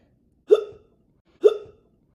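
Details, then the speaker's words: Man with repetitive hiccups, which he attributes to his body healing and to trying to block intrusive thoughts: two sharp, voiced hiccups about a second apart, each a sudden catch of breath in the throat. "So the hiccups is between my body healing and me trying to block out any homosexual intrusive thoughts."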